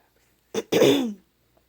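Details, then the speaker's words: Hiccups in a baby girl described as mad, labelled week 28: a brief catch followed by a short voiced cry-like sound. "See, she has the hiccups and she's really mad."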